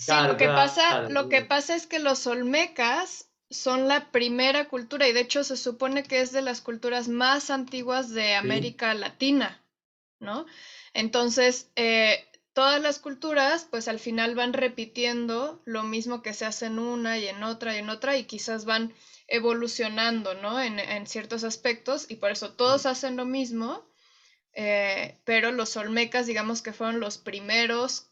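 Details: Adult woman speaking Spanish; ordinary fluent speech.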